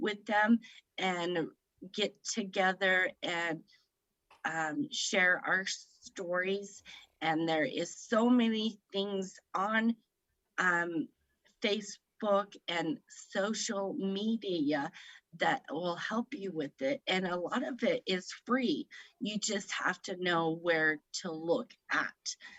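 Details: Woman aged 38 at a stroke in September 2018, speaking about 3 years later; the stroke affected her right side and left her with aphasia; aphasia.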